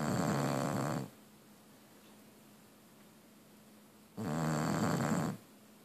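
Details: Bulldog snoring: two long, loud, rumbling snores on inhaling with a quiet pause between, heavy snoring typical of a flat-faced dog.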